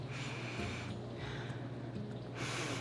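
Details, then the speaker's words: Adult demonstrating stuffy nose, possibly from allergies, before neti pot rinse: noisy sniffing in and out through the nose with thick, partly obstructed airflow, not fully blocked; nasal congestion. "you can hear it, like it's blocked. And it's not like blocked off, but it definitely, I can breathe better."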